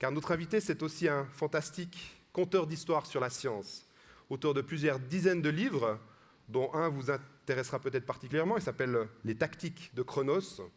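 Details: Adult male speaker; normal voice.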